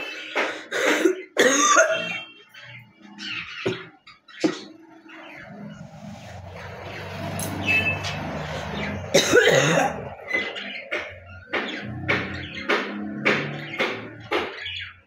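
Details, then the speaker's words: Woman with a cough, phlegm present for many days, coughing while sitting: repeated harsh wet gurgling coughing bursts with throat clearing, bringing up phlegm; productive cough. "কাশি হয়েছে কিন্তু কপটা উঠবে, আমি সাইডে ফেলবো, ঠিক আছে?"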